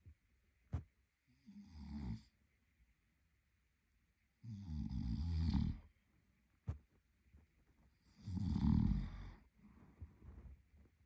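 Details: Male partner asleep: rough, rattling snores on each in-breath, about every three to four seconds, with quieter breaths between; ordinary sleep snoring.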